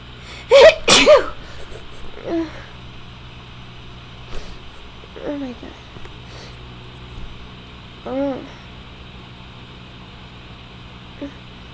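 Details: Two loud sneezes in quick succession, then softer breathy catches and gasps; pepper-induced sneezing in a person whose allergies are flaring, suspected from roommate's three cats, dust and dander.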